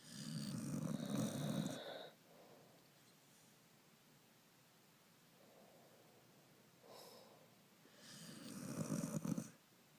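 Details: Corgi dog and its owner snoring during sleep: low, rumbling inhaled snores about seven seconds apart, with soft quieter breaths between, in a quiet room.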